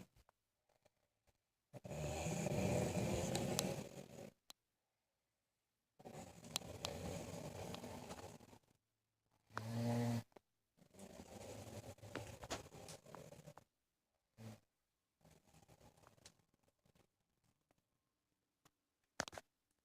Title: My snoring mom